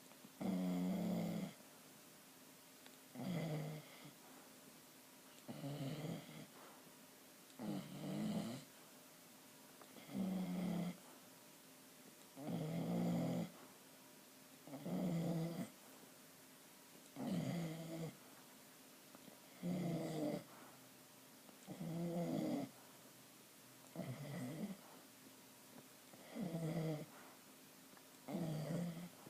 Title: Dog snoring :)